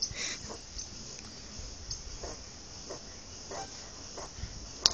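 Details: A sleeping pet animal snoring lightly: soft, quick, regular snuffling breaths over a steady background hiss.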